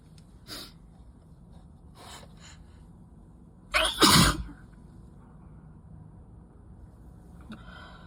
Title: 1/12/23, itchy and messy sickie/allergy sneezing fit